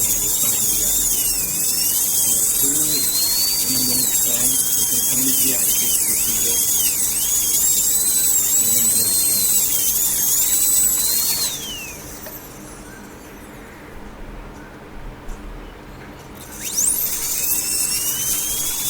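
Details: Dental rotary instrument during root canal treatment of curved canals: a high-pitched whine whose pitch wavers, stops briefly, then starts again.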